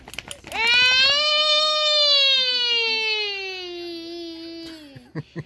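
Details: Infant during tummy-time training cries with a single sustained, high-pitched wail slowly falling in pitch, with real tears, faint music in background; infant cry.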